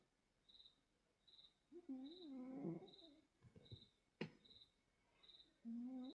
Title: Snoring Cat 😴🐈